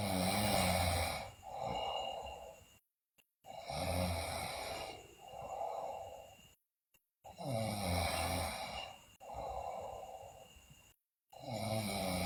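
Loud, harsh snores on each breath in, with softer breaths out, about 16 breaths a minute, broken by brief cut-outs. Loud snoring in sleep.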